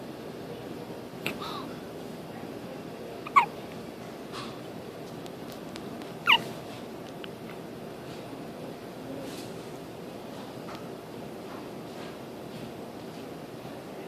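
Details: Hiccups: three short, sharp, spaced jerky sounds over steady background hiss.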